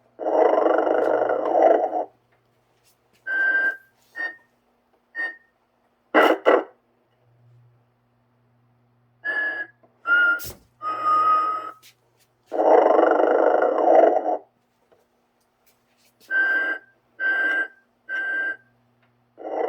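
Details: Vintage 1995 Telco Mrs. Santa Claus Motionette toy, simulated snoring: repeated mechanical rasping bursts with whistling tones between, separated by silences; snoring imitation.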